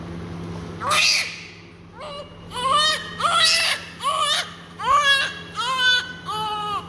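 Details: Repeated strong, clear, high-pitched wailing cries from a 2-minute-old baby girl during cleaning of blood and vernix, with steady room hum behind; a newborn cry.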